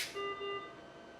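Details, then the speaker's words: Mechanical ventilator being set up, supply lines closed: two short steady electronic tones, the low air and oxygen supply pressure alarm. "alarma que es si esto está por encima o por debajo del respirador nos va a indicar que hay alta presión o baja presión"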